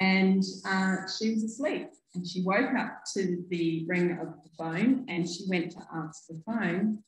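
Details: Adult woman speaking; typical speech.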